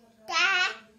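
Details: Speech attempt of a baby with a cochlear implant, vocalizing between a therapist's prompts during a Hindi counting speech therapy session.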